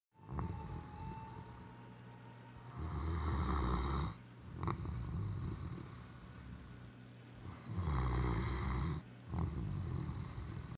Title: Great Dane snoring